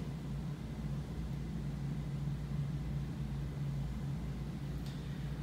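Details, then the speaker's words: Steady low motor hum and rumble of a suction machine running, with no speech, during a school demonstration of tracheostomy suctioning with a sterile catheter and normal saline. "okay now you are ready to suction okay you want to be sure not to be occluding the suction while you insert it into the trach because that's not good"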